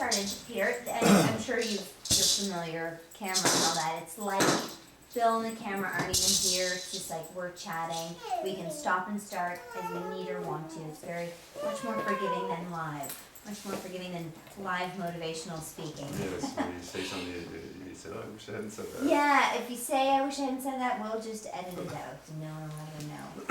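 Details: Adult speaker; normal speech.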